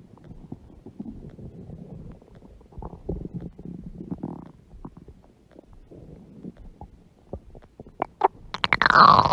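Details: Adult woman's large belly making irregular gurgling and squelching bowel sounds, ending in a louder burst: stomach growling (borborygmi).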